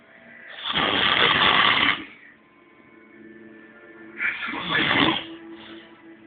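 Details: Person snoring while reportedly high: two loud, rough, rattling breath sounds several seconds apart over faint room noise.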